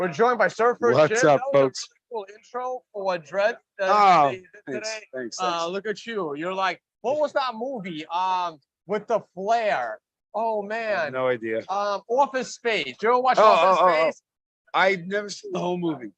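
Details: Adult male speaker, casual conversation; conversational adult speech.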